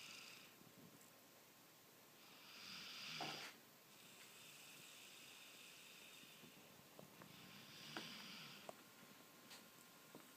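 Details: Light snoring, described as snoring like a creeper: quiet, airy hissing breaths with a faint rasp, repeating a few times over faint room noise.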